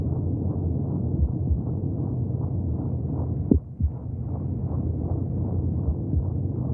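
Fast, muffled whooshing pulses over a deep rumble, about two beats a second; a heartbeat heard from inside the womb.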